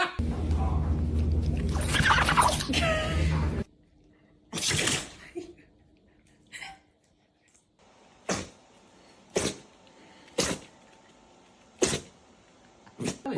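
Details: Dog sneezing: a run of about six short, sharp sneezes in quick succession after a few seconds of louder background sound.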